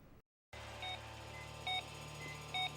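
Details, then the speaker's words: Soft, regular monitor beeps over a steady hum of operating room equipment, heard in a news report on hypnosurgery in which a gastric band operation is only imagined under hypnosis; operating room monitor beeping. "operating room machines beep and hum as you lay sleeping your stomach being shrunk through a procedure thousands of americans get every year"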